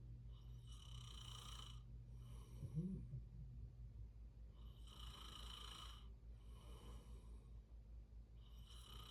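Slow breathing of about fourteen breaths a minute with a soft, rough snore on each breath and a steady low hum in the room.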